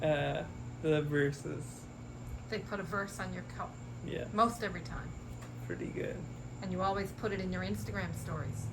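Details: Adult speaker; normal speech.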